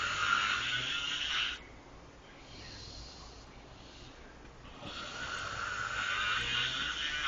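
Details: Rough, hissing breaths with a quiet gap between, from a person sleeping in a car's back seat, over steady background rumble: snoring.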